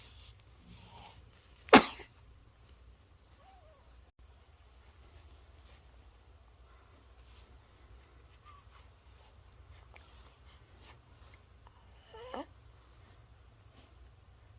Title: 신생아 재채기, 정상일까요? (걱정 NO!)